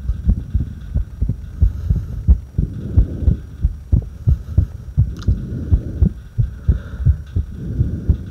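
Low heart thumps at about 90 a minute with uneven spacing between beats; an irregular heartbeat, recorded during a breath hold.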